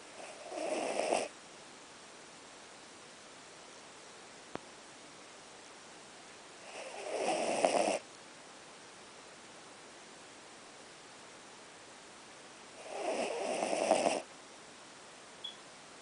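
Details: Dog snoring: three breathy, rattling snores about six seconds apart, roughly ten a minute, with quiet between; ordinary snoring.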